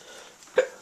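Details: An adult woman's single short, sharp, voiced hiccup in a quiet room; she is hiccuping after eating pizza.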